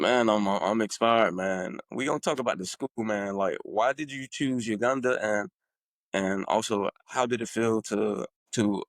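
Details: Adult man who refers to his own stuttering, stuttering.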